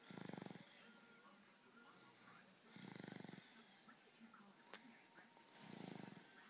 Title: Snoring baby